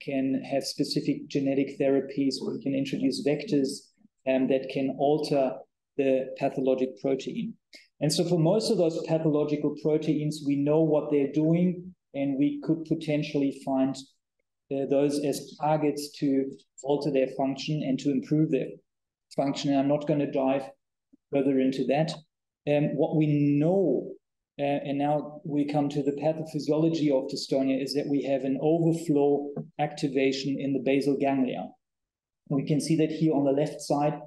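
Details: Adult male lecturer; typical speech.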